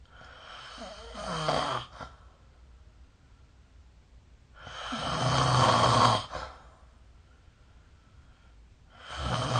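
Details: Slow, deep, rasping snores, one every four to five seconds, with quiet pauses between in a small room, recorded with the SnoreLab app during sleep; snoring.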